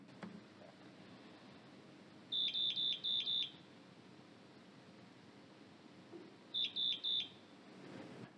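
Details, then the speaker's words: Two bursts of sharp high beeps, five then three, from a Parapac Medic 200D portable transport ventilator sounding its low-pressure alarm just after startup, because no gas supply is connected; demonstration, no patient. "as you can see it did its all little startup system now it's complaining of low low pressure which obviously makes sense there is no pressure this indicator is also red so when this is red it means that there is low pressure"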